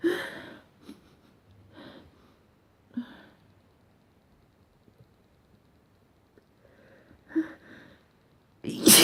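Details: Morning sneezes: short sniffs and noisy breaths build toward a loud, sharp sneeze at the end, with an earlier sneeze-like burst; sneezing.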